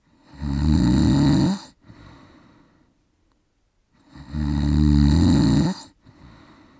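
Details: Father snoring while asleep, recorded with a Zoom H4n recorder at 96 kHz/24-bit: two loud, harsh, rattling snores on the in-breath, each followed by a softer breath out; heavy snoring.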